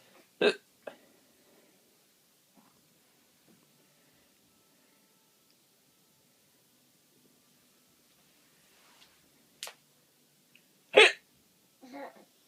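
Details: Mother with hiccups: about four sharp, abrupt hiccup sounds, irregularly spaced and separated by quiet.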